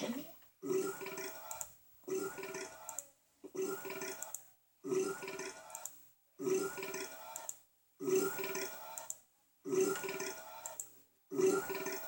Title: Fatties burping